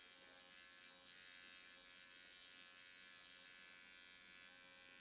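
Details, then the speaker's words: Steady high-pitched buzz from a nanoneedling pen on its lowest blue setting, moved up and down, side to side and in circles around the mouth and upper lip with serum; described as not painful. "It's not painful at all, and yet it really does increase that permeability of the skin to get these great serums into the skin."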